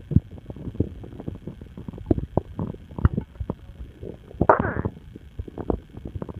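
Frequent gurgling pops and a longer bubbling rumble from the belly: loud stomach rumbling.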